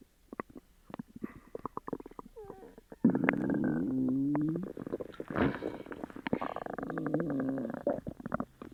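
Loud, irregular gurgling and bubbling from the belly, with clicking pops and sustained groaning rumbles: borborygmi, loud stomach rumbling with an upset gut.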